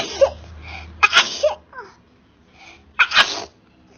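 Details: Several quick gasping inhalations then two sharp explosive sneezes in about four seconds, triggered by a nasal swab.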